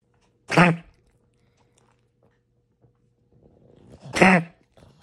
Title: Boston Terrier Has Kennel Cough - Glad It Wasn't an Obstruction #shorts